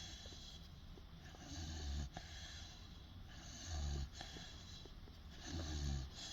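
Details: 16-week-old Boerboel puppy, possibly with eyes open: low, rumbling snores about every two seconds, roughly 30 a minute, quieter breathing between; snoring.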